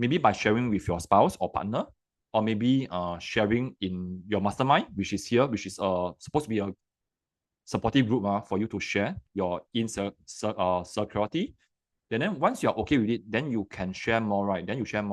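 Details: Adult man who has stuttered since young, linked by him to very high anxiety; about 20 years of working on it, still stutters sometimes; stuttering.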